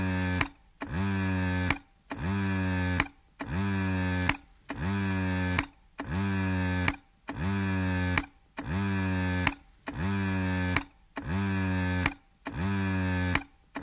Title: 1 hour breast pump sound